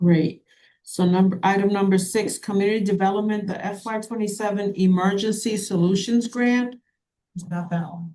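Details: Adult speaker; Normal speech.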